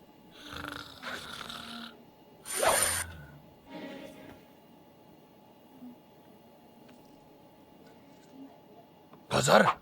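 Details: A few low, rough snoring breaths with soft noises between them and a louder snort near the end; ordinary snoring during sleep.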